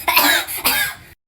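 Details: Two short, dry cough bursts from a child, acted for a comedy skit; a plain cough.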